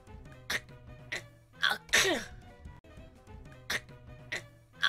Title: Funny Sneeze Fail - 1 minute moment